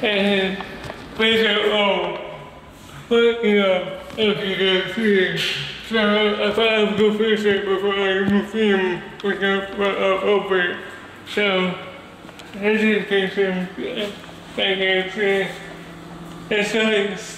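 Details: Male speaker with cerebral palsy and a speech disability; dysarthria (cerebral palsy).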